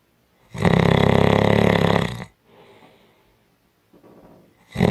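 A loud, harsh, rattling snore on the in-breath lasting nearly two seconds, followed by quieter breathing; heavy snoring.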